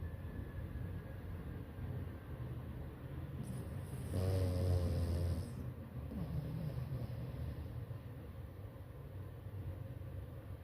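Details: Dog snoring while sleeping soundly: a single low, rumbling snore on an in-breath over steady background hum.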